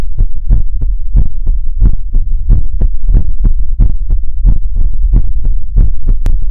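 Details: Heartbeat in an ASMR recording that also features whispers, helicopter and mouth sounds: rapid, regular, deep paired thumps at about 150 a minute over a low, throbbing hum.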